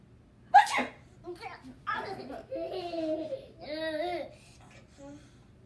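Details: Grandma gives one sharp sneeze, followed by a baby's giggles and laughter: sneeze.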